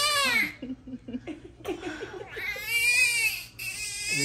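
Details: Newborn girl crying soon after birth: high-pitched wails broken by short choppy sobs in a small room.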